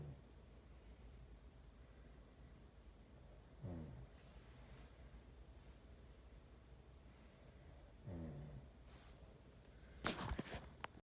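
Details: Sleeper snoring in a "snoring contest": low rumbling breaths several seconds apart over steady room hiss; snoring.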